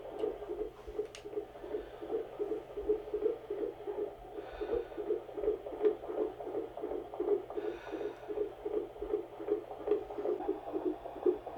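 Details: Fetal heartbeat on Doppler during labour after waters broke, contractions five minutes apart, at a midwife's house; fast whooshing beats about 160/min with faster spells, reportedly almost reaching 180, dipping back to reasonable range; fetal tachycardia.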